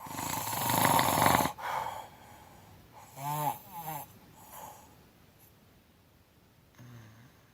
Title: Mouth Open Snore